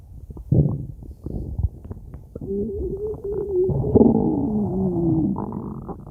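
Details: Gurgling, bubbly rumbles rising into a long drawn-out growl as gas and fluid move through the gut; stomach growling (borborygmi).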